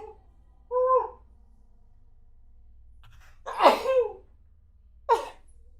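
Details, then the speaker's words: Short voiced sound, then one forceful, slightly muffled sneeze, turned away from the mic by an adult streamer, with a brief sharp exhale afterward over low room hum. Sneeze. "Oh my god. I sneezed so bad. Did you hear that?"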